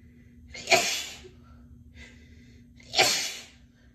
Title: Sick Sneezes & Snotty Noseblows (F)